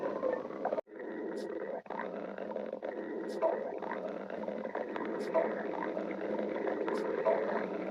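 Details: Stomach growling (borborygmi): continuous low rumbling with brief high squeaky gurgles about every two seconds.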